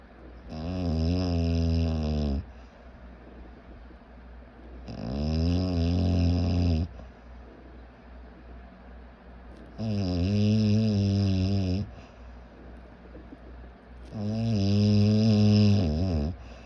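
Loud rattling snores on each in-breath, about four in 16 seconds, with quiet out-breaths between; snoring.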